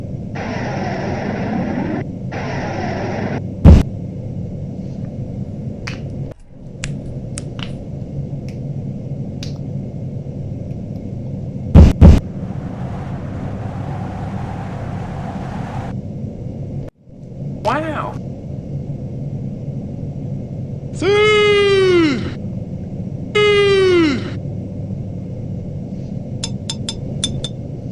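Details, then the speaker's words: Simulation of how everyday sounds are heard through a stethoscope: muffled, boomy clicks, thuds, a rush of noise and chirps over a steady low rumble, louder and underwater-like. "it sounds like I don't know what do you think it sounds like to me it sounds like you're underwater I mean everything seems louder and more focused"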